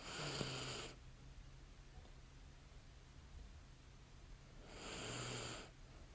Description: Relax to the sounds of light snoring and breathing as a woman sleeps soundly in bed next to her scented candle.